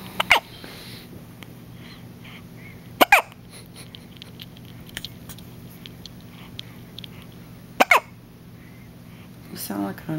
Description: My newborn had the hiccups. He sounded like a squeaky toy.